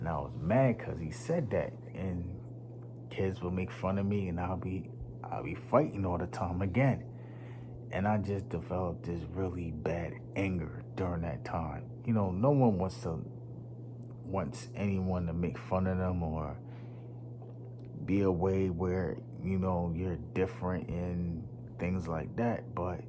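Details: Stuttering in a man, once so severe he could not talk, worse when nervous around unfamiliar people; he links it to his nervous system.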